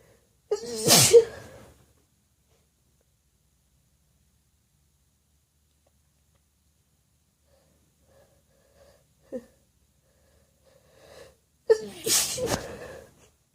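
Two loud, wet, explosive sneezes about eleven seconds apart, with a faint catch of breath before the second.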